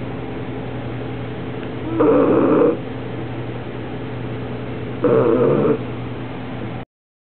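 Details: Soft snoring from a 6-month-old female Bulldog, Bella.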